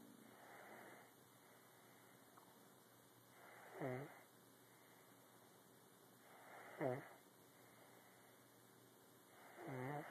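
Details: Regular rattling snores about every three seconds, roughly 20 breaths a minute, in a quiet room; snoring likened to a grandfather's.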